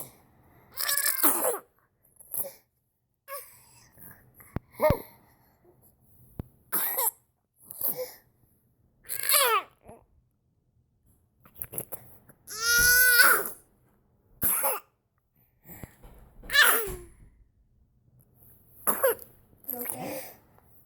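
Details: A daughter has one of her occasional random coughing fits, cause unknown (parents suspected an allergy); irregular cough bursts with squeaky, high-pitched breaths drawn in between; coughing fit.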